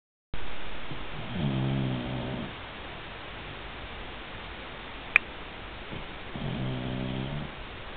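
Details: Snoring: two soft, buzzing snoring breaths about five seconds apart in a quiet room.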